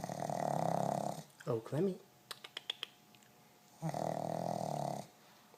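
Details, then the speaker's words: Female pug asleep after a tiring day, possibly dreaming: loud, rough, rattling snores with snorting and small sounds between breaths; very loud, heavy snoring. "somebody's dreaming boy she sure can snore her snoring is so loud"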